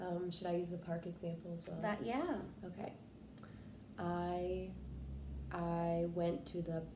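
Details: Role-played client practicing the stuttering modification technique cancellation on the word 'park': after a stuttering moment, stopping, noticing tension and restarting with reduced tension; acted stuttering (cancellation technique practice).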